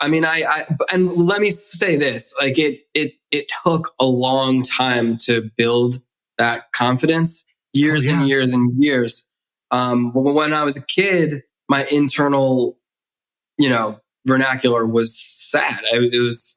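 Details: Adult man who has stuttered since childhood, with audible word repetitions; stuttering.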